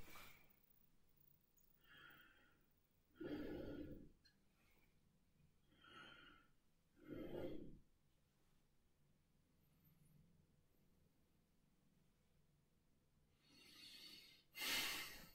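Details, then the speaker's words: Respiratory assessment auscultation of a male: three slow deep breaths, about 12 a minute, soft airy rush in and out, no whistling or crackling; clear lung sounds, no adventitious sounds. "So he had clear lung sounds. There was no adventitious lung sounds."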